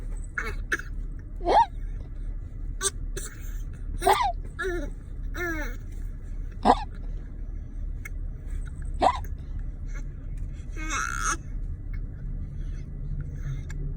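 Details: Hiccups in a young boy: several brief, sharp, irregularly spaced gulping sounds over a steady background hum.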